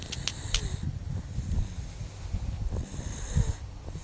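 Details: Snoring: irregular low, rough, snorting breath noises with some whistly sounds.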